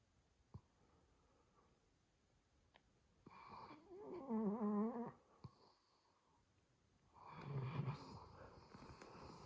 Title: Beautiful Sounds of Labrador and Dalmatian snoring